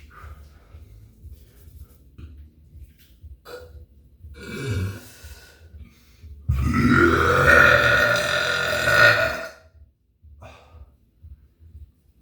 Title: Another burping angle